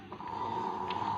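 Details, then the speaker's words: A young child, asleep and snoring: a single sustained, whistling, nasal-sounding breath in a quiet room. "ঘুম পেয়ে গেছে হ্যাঁ উফ বাবা ওই ঘুমিয়ে পড়েছে আবার ভুল করে ঘুমিয়ে ঘুমানোর কথা বললাম দেখো নাক ডাকছে দেখো শোনো ঘুমাবে পরে চলে আসো খাবে"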